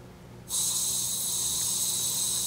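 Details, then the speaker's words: Quiet room, then a steady hiss as a standard 1–15 L/min oxygen flowmeter on a 50 PSI hospital wall outlet is opened. "If it goes all the way to the top, which is very loud, you can hear that. You open it up all the way. We call that flush, and that's usually up to 40 liters."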